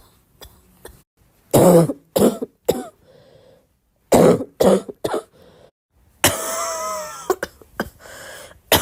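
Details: Self-recorded cough, several short harsh coughs in clusters with throat clearing between, then a longer raspy coughing fit.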